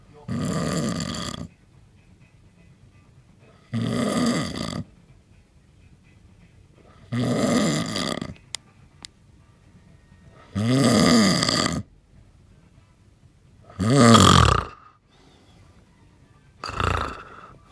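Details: Adult snoring during sleep after eight pints of Stella: six loud, coarse, rattling snores, about one every three seconds, harsh and grunting like a farm animal.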